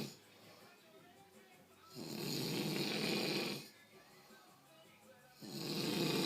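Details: A pig snoring: loud, rough snores of about two seconds each, separated by quieter pauses, roughly 20 a minute.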